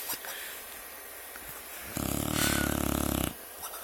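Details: Snoring from Buckwheat, apparently a sleeping animal: one loud, fluttering, rattly snore lasting over a second, with quiet breathing on either side.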